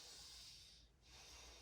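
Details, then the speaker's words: Nostril patency check during a nurse's head-to-toe assessment: the patient occludes each nostril in turn and breathes in, giving two sharp sniffs with airflow heard on each; nostrils open, nasal mucosa pink and moist. "Okay, I'm gonna have you occlude one nostril. Breathe in. Occlude the other one. Breathe in."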